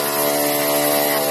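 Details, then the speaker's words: Loud steady drone of the air compressor running on a simple homemade pneumatic medical ventilator with solenoid valves and vacuum generator, no cycling audible in this short stretch. "رح أشغل الكمبرسور هذا ونشوف كيف العملية."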